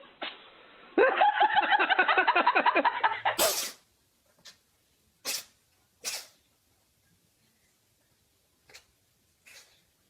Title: Cat Sneezing - Nothing but adorable sneezing cats 😹